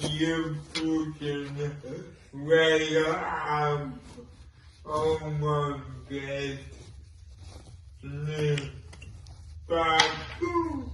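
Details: Dysarthric speech in a person with cerebral palsy and involuntary movements; the dysarthria is inferred and not explicitly named.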